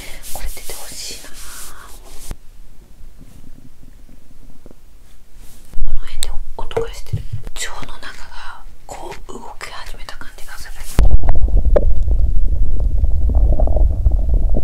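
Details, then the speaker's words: Stomach growling, likened to construction noise, from a hungry person during days 1–4 of a first 7-day fast after holiday overeating: bowel sounds (borborygmi). ""เอ๊ะ!ฉันได้ยินเสียงก่อสร้างดังมาจากท้องของฉัน!""ท้องของฉันเลียนเสียงการก่อสร้างหรือเปล่า""เป็นวันที่ท้องร้องแต่เสียงก่อสร้างดังสนั่น"“โอ้ยท้องร้อง”"เสียงดัง"."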